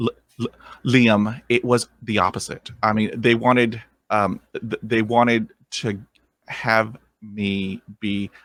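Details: Stuttering in an adult man who stutters and has stuttered since growing up.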